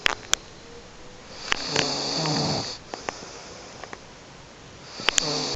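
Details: Sleeping woman snoring: rough, hissing breath noise rising and falling in a small room, with a few sharp clicks; snoring.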